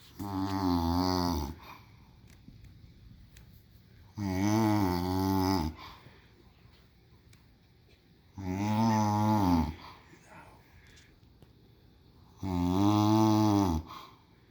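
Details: Regular loud, rumbling snores about every four seconds, roughly 15 breaths a minute, with quiet gaps between; snoring.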